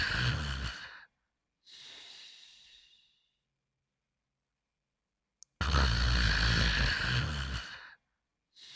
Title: The Pink Panther Snoring Quietly in 55 seconds (Fafa's World version)